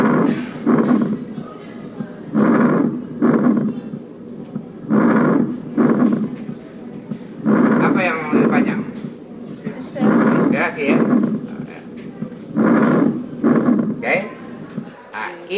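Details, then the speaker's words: Normal vesicular breath sounds on a teaching simulator: soft, regular rustling breaths with inspiration longer than expiration. "Kita dengar dulu yang normal vesikuler ya."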